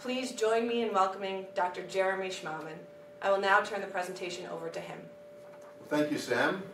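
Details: Adult speakers at a presentation, likely two; ordinary speech.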